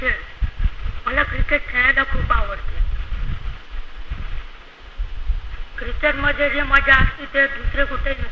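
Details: Male puberphonia patient (voice failed to lower after puberty) speaking Marathi; the therapist notes his voice became normal after the first therapy sitting; puberphonia.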